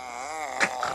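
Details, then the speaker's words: Man sleeping beside the speaker snores: a drawn-out droning groan with slowly wavering pitch, then a short rough snort and fainter follow-up; single snore. "الان الشخير هذا الان شخير شو اسمه؟ يا والله ذا والله نايم جنبي والله العظيم."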